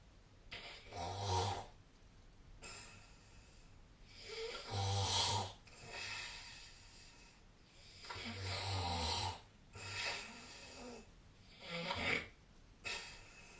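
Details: Snoring during sleep: repeated rough, rattling snores with breathy exhalations, about 16 breaths a minute, irregular in strength.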